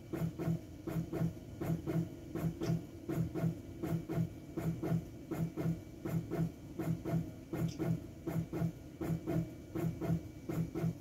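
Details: Teleflex Arrow intra-aortic balloon pump on main display menu: steady mechanical whooshing pulses, about 81 per minute, each with paired inflate-deflate rhythm, cycling with the heartbeat.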